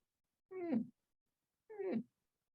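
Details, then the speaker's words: Two brief musical, cooing high-pitched tones: the aortic stenosis murmur turning musical toward the apex (Gallavardin phenomenon), simulated, in a patient with severe aortic stenosis and exertional chest discomfort, dyspnoea and dizziness. "that's called gallivardin's phenomenon this person has severe aortic stenosis with exertional chest discomfort"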